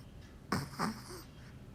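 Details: Snoring from a Chihuahua during a nap.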